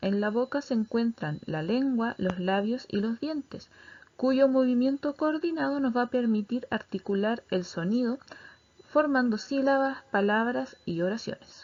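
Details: Adult speaker, lecturer; normal speech.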